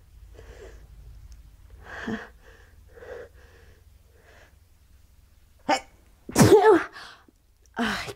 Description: idk why I always wake up sneezing like this???